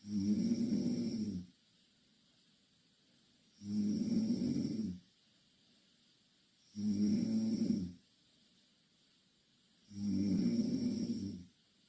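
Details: Two Korean girls asleep in the same bed: loud, rough snores on each in-breath, four in about 12 seconds, roughly 20 breaths a minute, with quiet gaps between; loud snoring.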